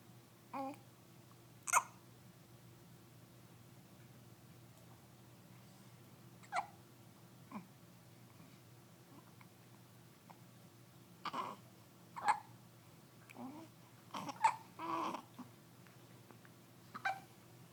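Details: 10-day-old baby boy with daily hiccups: brief, sharp, spaced catches in a quiet room, about ten over eighteen seconds.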